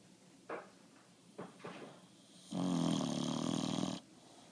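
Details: Sleeping bulldog making short snorting breaths, then a long, loud, rattling snore; snoring.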